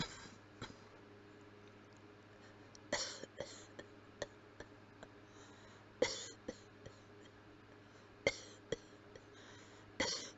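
Several muffled cough bursts with the mouth closed, some single and some in short runs, in a quiet room; acted closed-mouth coughing.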